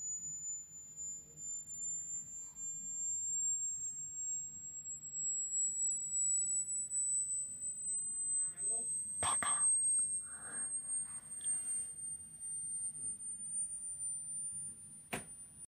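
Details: A steady high pure tone slowly rising in pitch over quiet room noise, with a few brief sounds, played as a hearing test tone for a dog.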